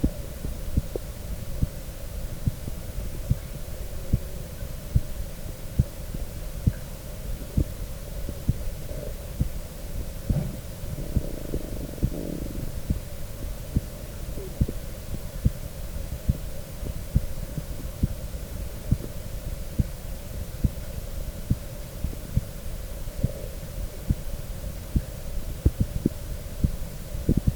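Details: Normal human heartbeat recorded with a stethoscope and USB microphone: steady, regular thumps at about 75 per minute over a constant hum.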